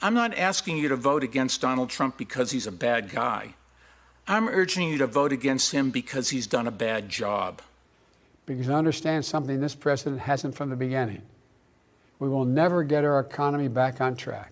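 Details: Adult male speaker; normal speech.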